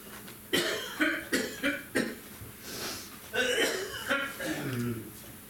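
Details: Person coughing in a small room: a run of several short, loose coughs and throat-clearing with breaths between them.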